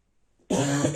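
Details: Man with a bad cold and chest pain on coughing: a single sudden, harsh morning cough with a hoarse, honking edge after a moment of quiet, a dry barking cough.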